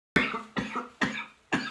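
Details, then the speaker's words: An adult who says they can't stop coughing gives four short, sharp coughs in quick succession, without rattle: dry cough. "je au bout de ma vieors là j'arrête pas de tousser c'est une toussèche encore en plus c'est une catastrophe"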